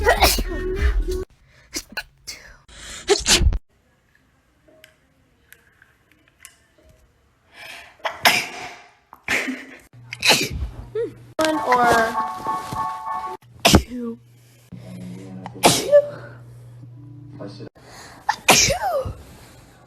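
A run of separate sharp, explosive sneezes, about six, from different people, with brief music and talk between them.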